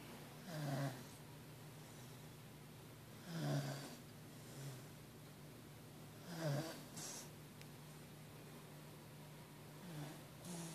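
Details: Soft, irregular snoring from a sleeping pet, about 20 breaths a minute, with a low rumble on each breath over quiet room noise; the snoring wakes the owner.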